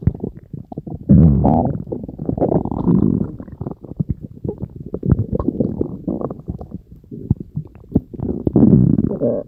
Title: Other stomach growl sounds. (@mybellygurgles a.k.a, The Tum of Rayne.)